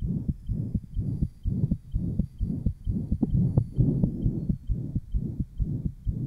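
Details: 1955 Johns Hopkins heart sound laboratory recording, patient with interventricular septal defect, possible persistent ductus arteriosus; fast regular heartbeats with coarse harsh murmur filling each beat: holosystolic ventricular septal defect murmur.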